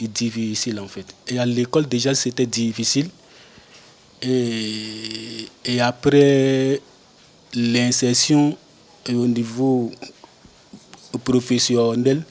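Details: 42-year-old French-speaking man who has stuttered since birth, with the stutter lessening with age; stuttering.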